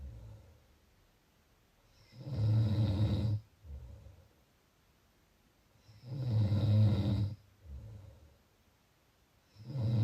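Low, rattling snores on each breath in, about 16 breaths a minute, with quiet exhalations between; ordinary snoring.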